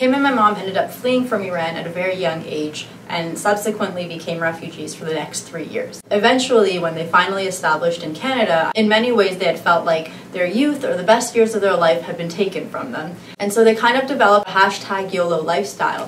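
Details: Adult speaker, narration; Normal fluent speech.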